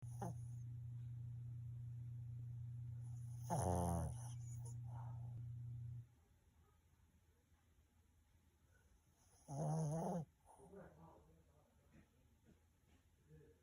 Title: Sleeping Snoring Dog. He’s Keeping Me Up!